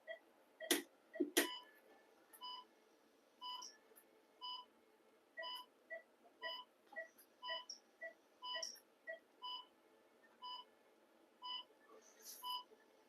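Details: Repeated short electronic beeps from a phacoemulsification machine during settings changes (vacuum 400, single port) in cataract surgery on a 6-year-old diabetic female Labrador, with clicks and room noise.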